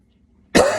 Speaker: sorry I didn't want to do that I didn't want to cough at the start but I did so we'll continue